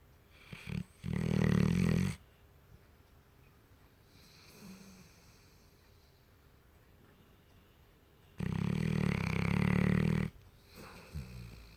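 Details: Sleeping Mastiff with tongue out, dreaming: two long, loud, low rattling snores of about two seconds each, with quiet breathing between; snoring.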